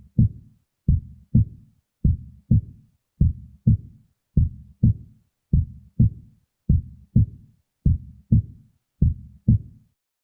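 Steady paired heart sounds, lub then dub, about 50 beats a minute, with clean silence between beats.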